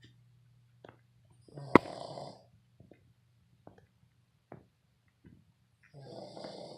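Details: Short snorting snores with small clicks and snuffles from a sleeping 7-month-old red Boston Terrier, over a steady low hum; harmless snoring.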